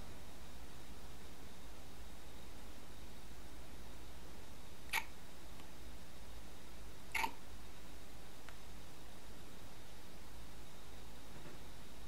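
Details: A one-week-old baby boy has hiccups: two brief, sharp little hic sounds a couple of seconds apart over a steady room hum. Hiccups in a newborn.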